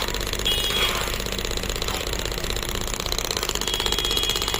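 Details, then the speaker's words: Biotronix pneumatic shockwave therapy device started from the handle button, with pressure adjustable up to 10 bar, during a demonstration. It makes a rapid, steady, jackhammer-like tapping of about three pulses a second. "Then you can press the start button, and once you press the start button in the handle, the pneumatic effect will come. Machine will start."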